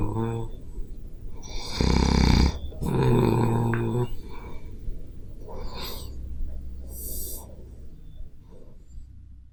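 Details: Self-recorded adult snoring during sleep on a Zoom H5 recorder: deep, rumbling snores on the in-breath with softer breathing between them; loud snoring.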